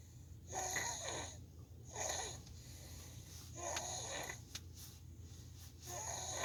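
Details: Soft, rhythmic snoring breaths about every 1.5 seconds over steady room hum from a sleeping girl after a trampoline park; light snoring.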